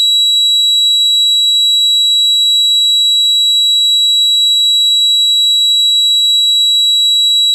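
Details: Tinnitus simulation.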